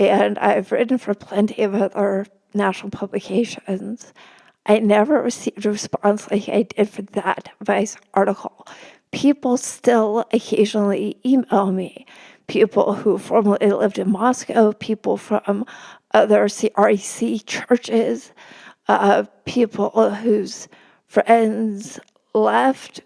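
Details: Woman with spasmodic dysphonia, which the host says makes her sound nervous though she is not, speaking as a podcast guest; spasmodic dysphonia.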